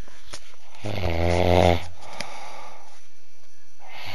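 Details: One loud, deep, buzzing snore about a second long, recorded close to the sleeper's nose, followed by quiet breathing and steady background hiss; snoring.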